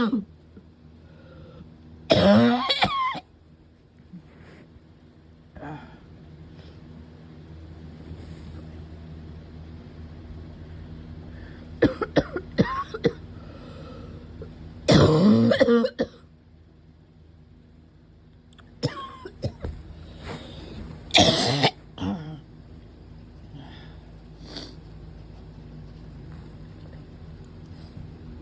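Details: Adult with persistent cough, another attack of bad barking cough: several harsh, loud coughing bouts separated by quiet stretches.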